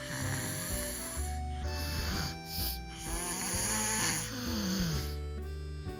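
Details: Low, rough snoring from a sleeping five-year-old child with snoring and sleep apnea, before a first surgery for adenoid and tonsil removal. The snoring is partly masked by loud background music.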